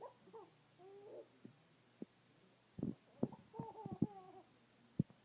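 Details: Quiet laughter broken by short sharp gulping clicks: hiccups occurring while laughing.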